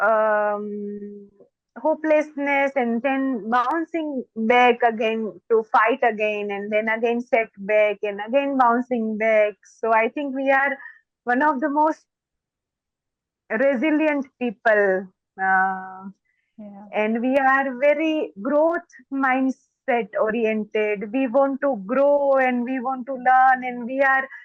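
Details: Stuttering in an adult woman who is a doctor, who says she stammers more when excited; stuttering.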